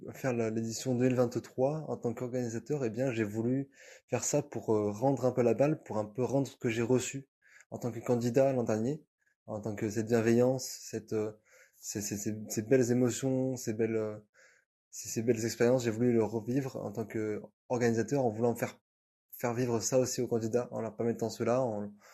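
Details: 29-year-old man, cluttering since adolescence, diagnosed at 27, worsened after a head trauma; very rapid speech, sometimes hard to understand; cluttering.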